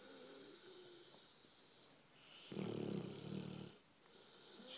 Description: My american bulldog snoring on the couch